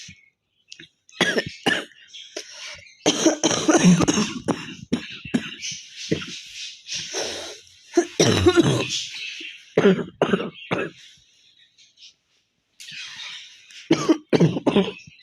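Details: Repeated harsh coughing bursts, some in quick runs, with throat clearing and brief pauses, from someone with a cold and chest congestion, lying down, recorded for a cough challenge.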